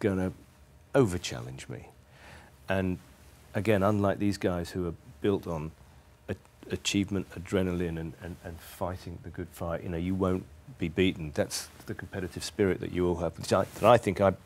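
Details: Adult man who stammers, speaking English; stuttering.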